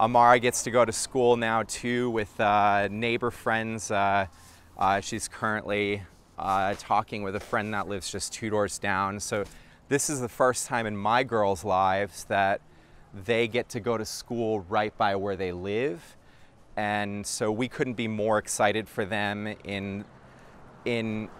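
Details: Adult man speaking; typical adult speech.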